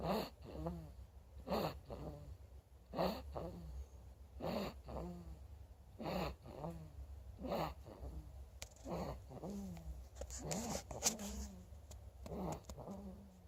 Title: 2/8/19 Sweet snores ❤